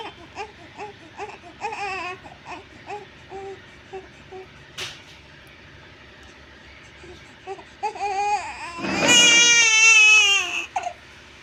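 A one-month-old infant fusses in short whimpers, then breaks into a loud, sustained, high-pitched cry.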